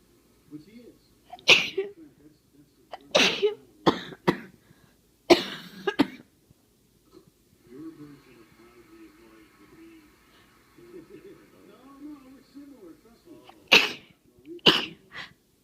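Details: Several sharp sneezes with coughs in between, and quiet breathing and throat noise during the pause; a head cold that has turned into a chest cold, where sneezing triggers coughing.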